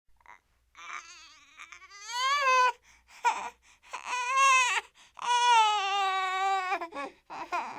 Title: Crying Baby Light Short Sound Effect | Gentle Infant Whimper | No Copyright & Free for Editing